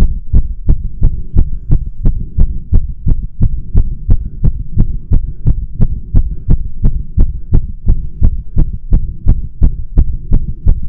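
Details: Adult's spontaneous tachycardia episode at rest, no exercise or caffeine, with dizziness, shaking, breathlessness: strong, regular thumping heartbeat roughly 175 beats a minute.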